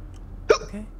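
A single sharp, abrupt hiccup over faint room noise.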